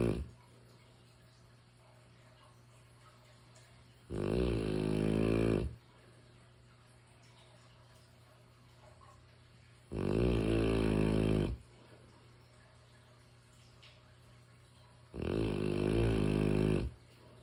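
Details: Loud, rattling snores about every six seconds, each lasting over a second, with quiet breathing pauses between; snoring from a sleeping mastiff.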